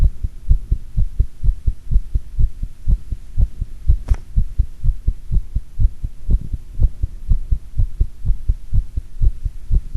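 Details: Heart sounds recorded with pressure applied after doing squats: fast, strong heartbeat at about 125 beats a minute, with one brief irregular beat (arrhythmia); otherwise steady rhythm.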